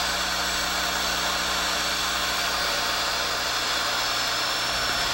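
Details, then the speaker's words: Continuous high-pitched dental drill whine and hiss cutting a straight proximal slice on a child's mandibular left second primary molar with gross caries, under rubber dam, in stainless steel crown preparation. "Keep the burr on a straight path so that the slice appears straight when viewed from the occlusal and will prevent rotation of the crown."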